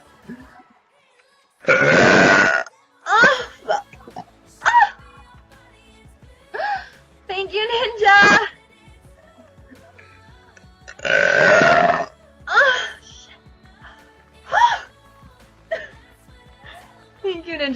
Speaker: That felt so good. Probably gas will do that to me. Excuse me. No, it doesn't hurt. If anything, it makes my stomach like jumped up, and so I have to stop after a while.